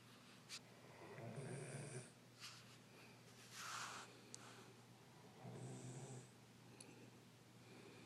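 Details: Sleeping Doberman dog with soft, rhythmic snuffling snores on each breath, about 27 a minute, over a steady background hum; light snoring.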